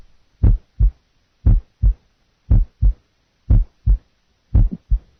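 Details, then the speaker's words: Mid-systolic click played for comparison with a single first sound in a nursing heart sound assessment. "okay listen now mid-systolic click compared to single first sound single first sound"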